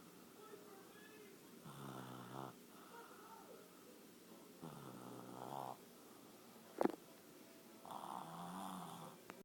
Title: Eat, sleep, and snore